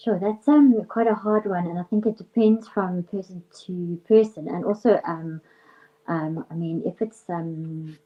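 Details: Real stuttering in an adult female speech and language therapist who is herself a person who stutters, with stuttering running hereditarily on her father's side; finding: stuttering.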